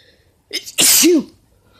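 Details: A single loud sneeze after a quick catching breath, ending in a short voiced sound, from an adult man; it is unclear whether allergies or a cold is the cause.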